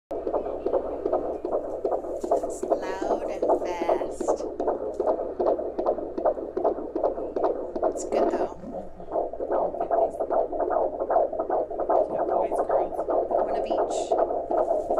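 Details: Rapid, regular, whooshing fetal heartbeat on Doppler at 14 weeks of pregnancy, about 154 beats a minute, a normal fetal rate.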